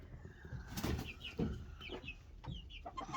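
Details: A sick hen being hand-fed with a syringe and on antibiotics; she had fallen with her beak open, stretches her neck, and her breaths come as repeated noisy, hissing puffs with faint squeaky tones: wheezing, hissing respiration.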